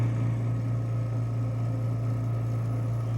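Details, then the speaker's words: Steady low mechanical hum with faint rhythmic cycling from an Invacare HomeFill home oxygen concentrator running alone at startup, before its cylinder-filling compressor starts; oxygen concentrator running. "when you first turn it on it won't actually start the compressor turning for the first couple minutes but you can see [Music] just with the concentrator going"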